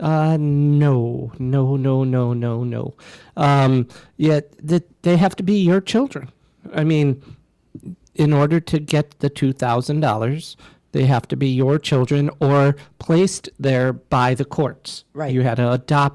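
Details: Adult male speaker; normal voice.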